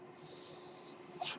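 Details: Noise of the speaker's own home mechanical ventilator: a steady airy hiss with a faint low hum, then a brief louder puff of air near the end, in the background while talking.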